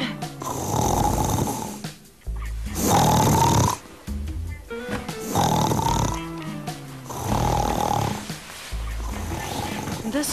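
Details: Loud, rough snores about every two seconds over background music, each a long rattling in-breath, in a snoring-treatment advertisement; ordinary snoring.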